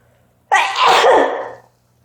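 One loud, explosive sneeze: a sharp intake burst followed by a forceful noisy release lasting about a second, in a quiet room.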